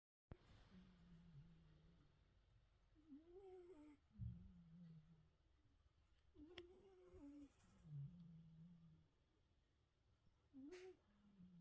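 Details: Sleeping pet napping indoors, snoring and stretching: quiet, slow snoring with low buzzing breaths at about 16 a minute and faint squeaky tones.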